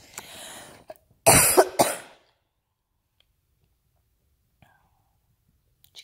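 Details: Adult home sick with flu, taking Theraflu, coughing while reading aloud: a soft breathy sound, then a couple of sharp, harsh cough bursts followed by silence.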